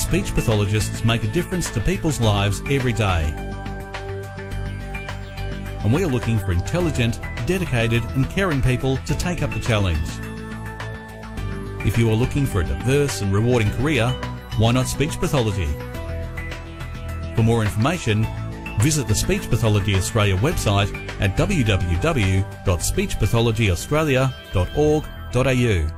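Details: Adult male narrator; normal speech.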